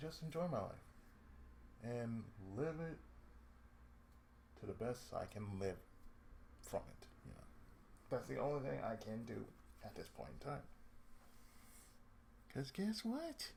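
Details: Adult male with cerebral palsy, lifelong, with speech problems since childhood; he reports an occasional lisp, breaks where he cuts himself off mid-sentence, pauses, and a drawl he calls sudden and sleepy; speech affected by cerebral palsy.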